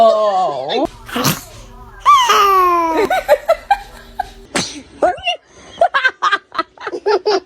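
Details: Toddler's sudden sneeze amid high-pitched vocal sounds and loud laughter from people nearby; sneeze.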